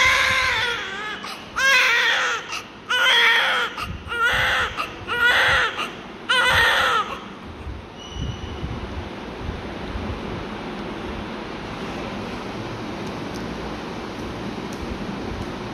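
Newborn cries in about five bursts of rhythmic wailing, then quiets, with steady room noise throughout; crying attributed to gas.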